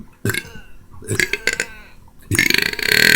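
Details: Deliberate burping: several loud, rough belches, the last one long and drawn out.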